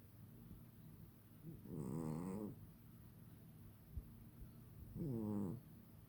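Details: Sleeping pet on a quiet sleep day, snoring loudly: two rumbling, buzzing snores about three seconds apart over faint room hiss.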